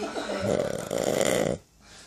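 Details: One loud, long, rattling snore lasting about 1.5 seconds, then quiet, from a real person, not an actor, sleeping while being pranked.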